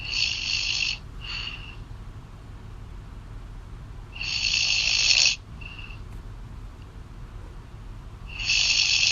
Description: Girlfriend snoring loud on call.